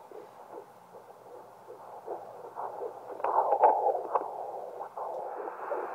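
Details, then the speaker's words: Home handheld 2 MHz fetal Doppler at 10 weeks 6 days of pregnancy, probe angled with extra pressure: rapid whooshing fetal heart tones at about 157 beats per minute, easily lost, occasional distortion from mother's own pulse; normal. "pressure that's how I find my baby's heartbe and as you can see it's easily I can easily lose it and there's sometimes Distortion with my own heart heart rate I love that sound"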